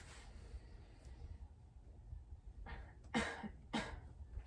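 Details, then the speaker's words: Voluntary cough during a student-nurse-taught deep breathing and coughing exercise: a deliberate deep breath, then two firm, controlled coughs; post-surgery patients would splint with a pillow against the chest, and she reports no pain. "okay before instructing the patient to perform her breathing exercise for the coughing portion and if the patient was out of surgery then we would instruct the patient to place a pillow in her front chest area in order to provide comfort and alleviate if any pain is associated"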